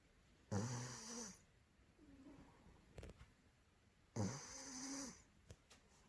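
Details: Maine Coon cat, about two months older than his Norwegian Forest Cat brother, snoring noisier than people: two loud rasping snoring breaths about four seconds apart, each followed by a softer whistling exhale.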